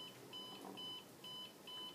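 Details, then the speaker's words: Electrical muscle stimulator in a quadriplegic patient (stated as C7), with electrodes on the arm to strengthen weak lumbrical muscles: repeated high-pitched beeps, about three in two seconds, while the unit searches for the small, weak muscle. "I turn mine on it beeps when I can't find the muscle because a lot of my muscles are really small and weak but it's kicking in right now"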